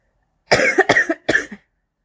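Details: Adult smoker coughing during second cigarette of the morning: three harsh coughs in quick succession, the first longest, in a quiet room; smoker's cough.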